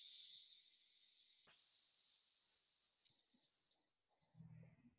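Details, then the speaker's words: Steady hiss of compressed air fading as the air line of a portable dental unit's water bottle is run about 10 seconds to decompress it during takedown, with faint handling noise at the end. "so for my water bottle here they actually say in the manual to run your air for about 10 seconds to decompress it so that's what I'm doing now"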